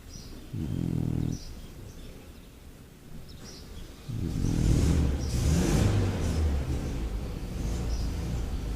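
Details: Loud, low, rattling snoring from a sleeping French Bulldog, a flat-faced breed, in a short burst then a longer stretch.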